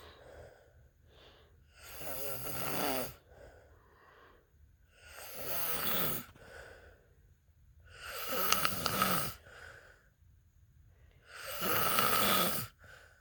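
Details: Husband snoring: loud rattling snores on each breath in, four in about thirteen seconds, roughly 18 breaths a minute, quiet breaths out between.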